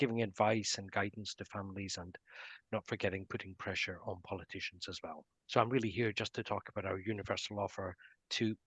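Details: Adult man speaking; Normal adult speech.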